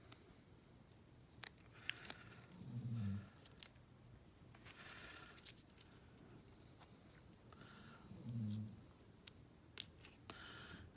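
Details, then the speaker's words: Pet named Blue napping in the background; two low, rumbling snores about six seconds apart beneath clicking and rustling handwork: snoring. "If you hear that snoring in the background, that's actually Blue taking a nap."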